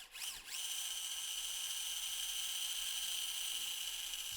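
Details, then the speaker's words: High steady whine of a flexible powered drill spinning up and drilling into the glenoid face for the second anchor in a cadaveric arthroscopic knotless Bankart repair with a 1.8 mm knotless FiberTak implant. "And we'll come in with our flexible drill."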